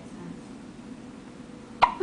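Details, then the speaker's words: Newborn girl with hiccups on her birth day: quiet room, then one sudden short voiced catch; hiccup. "here we go we got the hiccups oh those are good hiccups"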